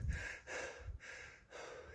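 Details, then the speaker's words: Noisy breathing in an adult runner about 20 minutes after a 3-4 km run: heavy, congested, snorting breaths in short cycles, with sneezing, coughing and snot; the runner suspects an allergy to running. "I'm allergic to running. Oh, wow. I can't stop. No matter... This is like 20 minutes after every run. This sneezing and coughing and this is it."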